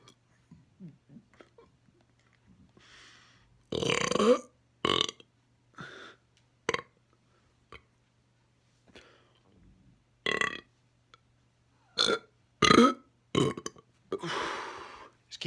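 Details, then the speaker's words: Burping: a series of loud, deep, deliberate belches at irregular intervals, with quiet pauses and small sounds between them. "let's try and get some more big ones just a small one there's a lot trapped inside me now so i should get some more big ones"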